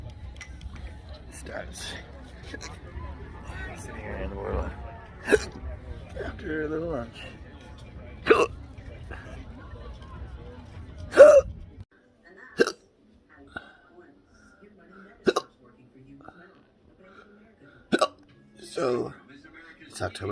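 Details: Adult with intractable hiccups and choking spasms: sharp, abrupt gulping hiccups about 25 a minute, continuing steadily, with talk in the background early on; intractable hiccups.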